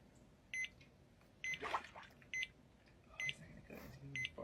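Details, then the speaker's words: Heart rate monitor during diving reflex demonstration, man submerging face in cold water: high short beeps per heartbeat, irregular at roughly 65 a minute, with voice and splash; heart rate then slowed dramatically. "Listen to that beeping. That's his heart rate."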